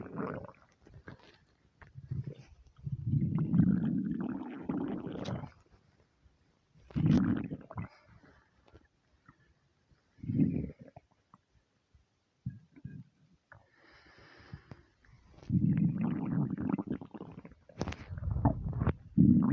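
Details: Low, bubbling, drawn-out stomach rumbles and gurgles in bursts with quiet gaps, from a starving stomach; hunger rumbling as gas and fluid move through an empty gut (borborygmi).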